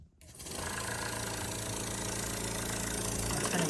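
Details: Home-care stationary suction machine (mains-powered, no internal battery) switched on by its rear button: a click, then a steady, rapidly pulsing motor hum while the machine runs.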